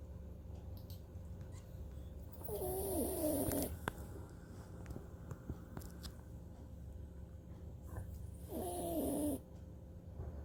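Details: Maltipoo puppy snoring during an afternoon nap: two soft, wheezy snoring breaths over steady room noise; ordinary sleep snoring.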